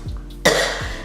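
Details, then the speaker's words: Cough from a woman who is very sick and can barely breathe or talk, recorded in an echoey empty room. "sound like a, gosh, that cough just sounded so stupid."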